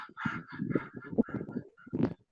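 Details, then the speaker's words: Gasping respiration imitated by a lecturer, likened to gargling or rinsing the mouth: short, rapid, voiced gasps demonstrating an abnormal breathing sound (rale/gasp). "O como cuando cuando estás haciendo gárgaras, ¿no? Cuando te enjuagas la boca y haces gárgaras, así se podría escuchar así el estertor, ¿no? El jadeo."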